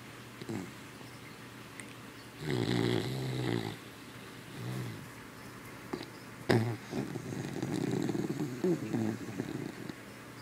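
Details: Sleeping Boston terrier/beagle mix puppy, described as a very loud snorer: irregular rough, rattly snoring breaths with faint room noise between them.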